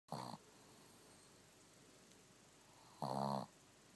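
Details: Shih Tzu dog snoring with her eyes open: two short, snorting snores about three seconds apart with quiet breathing between them; light snoring.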